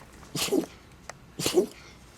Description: I think this red doberman pup inhaled some cobwebs behind the seat. He was unable to stop sneezing for a few minutes so i just had to capture and share.